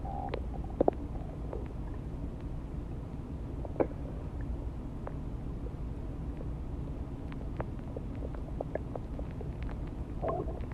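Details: Stomach growling: faint scattered gurgles and clicks over a low steady rumble; borborygmi.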